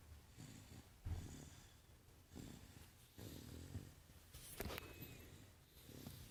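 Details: Snoring: low, rattling snore with each breath, a softer sound in between, faint room noise.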